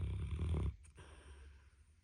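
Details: A sleeping dog snoring: one deep, low, rumbling snore followed by a quiet exhale; ordinary snoring.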